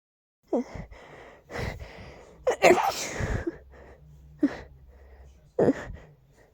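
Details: Strong allergy sneezing fit: several forceful sneezes in quick succession, some with a sharp intake of breath before, with a feeling of intense sneeziness and no relief.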